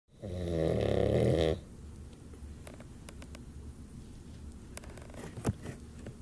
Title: Eyes covered snoring boxer